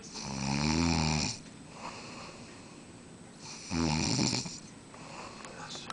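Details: Heavy snoring while sleeping, tired out after a Las Vegas trip: two loud, rattling snores about three seconds apart, with quiet breathing out between.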